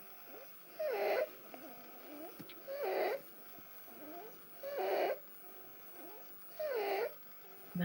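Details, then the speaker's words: Child in emergency assessment with laryngeal inspiratory stridor and accessory muscle use: harsh, high-pitched crowing with each breath in, about 31 breaths a minute, quieter expirations. "Estriador laríngeo. Un estridor laringio, ¿no? Es un estridor a la inspiración y también vemos uso de musculatura accesoria, ¿no es cierto?"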